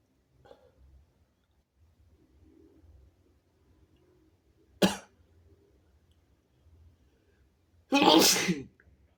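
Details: Two sharp sneezes from a person lying in bed, the second louder and longer, with faint breathing and rustling between them in a quiet room; sneezing.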